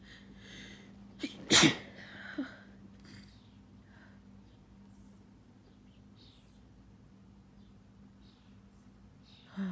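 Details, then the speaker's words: Allergic sneezing from grass allergy after sleeping with the window open during mowing in spring: nose very tickly, a sharp build-up breath, then one loud explosive sneeze, followed by quiet breathing and small sounds. "Oh gosh. Oh, it's so tickly. Oh my goodness. I do not know when the sneezes are gonna stop."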